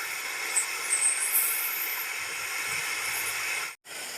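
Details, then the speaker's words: Dental air-polishing device giving a steady high-pitched hiss that briefly stops. It removes disclosing-dye-stained plaque and tartar between the teeth during a dental cleaning with a newest-generation Swiss air-flow scaling machine. "เดี๋ยววันนี้เราจะทำความสะอาด่าพวกนี้กันนะคะแล้วก็หินปูนที่เกาะอยู่ตรงระหว่างซอกฟันกันนะคะ"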